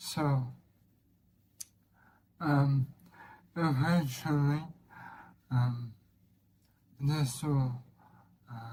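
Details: Dysarthria from bulbar weakness in an adult man with ALS (motor neuron disease); slurring began end of 2023 as throat muscles weakened; speaking is effortful and leaves him out of breath; progressive.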